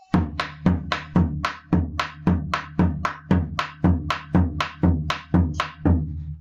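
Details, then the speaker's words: Simulated heart sounds played on a drum in a clinical semiology class for a tachycardic patient: rapid, evenly spaced thumps with S1 and S2 hard to separate; tachycardia. "entonces ahora sí si el paciente está taquicárdicos en realidad lo más parecido esto"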